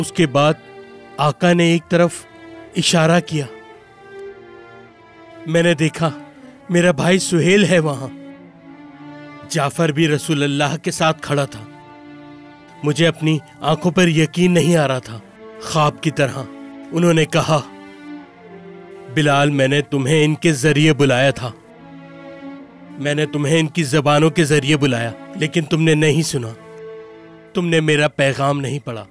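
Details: Adult male narrator; normal speech.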